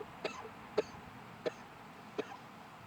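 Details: Four short, sharp dry coughs about half a second apart in a quiet room from an adult man who says he has gotten himself sick this week and has felt worse.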